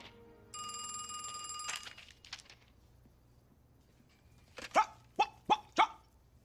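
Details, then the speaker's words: Simulated, from an acted film scene: a telephone rings, then four short, sharp bark-like vocal bursts from a character with Tourette syndrome, acting out a barking vocal tic. "All he could see when he looked at me was my Tourette's. That's all any of them see."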